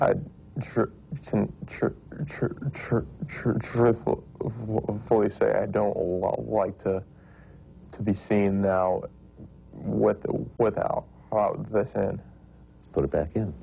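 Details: Stuttering since toddlerhood in a 19-year-old male, recorded with his SpeechEasy delayed/altered auditory feedback device taken out; many prior therapies tried.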